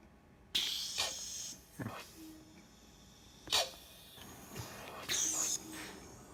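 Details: Eurus emergency resuscitator cycling in timed mode (not pressure control), asynchronous with a patient breathing at 5 cmH2O. A blood-pressure cuff automates the manual resuscitator. Repeated hissing air bursts with pauses as the cuff inflates and vents on a timed cycle.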